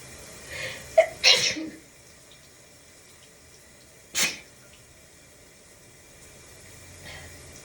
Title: Shower variety sneezes